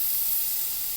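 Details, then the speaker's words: Steady high-pitched hiss of an Aquacare wet air abrasion unit, a water-shrouded abrasive spray, cutting relatively hard tooth enamel quickly and evenly to expose decay, with a celluloid strip protecting the adjacent tooth. "We're going to begin now abrading with the Aquacare by Velapex. Notice that the enamel, which is relatively hard, does in fact abrade rather quickly and rather evenly."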